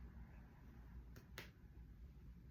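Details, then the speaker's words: Normal chest percussion by a student physical therapist, finger-tapping (mediate percussion) on the back after auscultating the lower lobes: two brief, even resonant taps, equal on both sides. "going to compare both sides they sound even and equal thank you"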